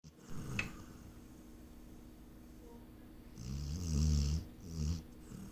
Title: Burt Snores